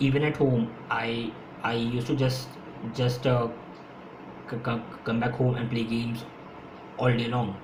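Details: Adult man who has stammered since his school years, stammering more when speaking faster; speech with repetitions; stuttering.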